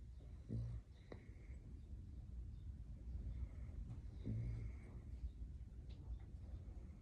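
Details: French bulldog puppy snoring: two low, rumbling snores about four seconds apart over steady low background noise; dog snoring.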